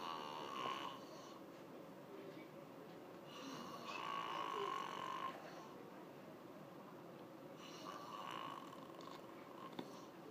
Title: When people say they don't snore (without light)